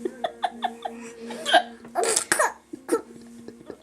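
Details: Mother's hiccups: several short, sharp voiced catches in quick succession, with her 5-month-old baby's laughter-like bursts, over a steady background hum, at bedtime.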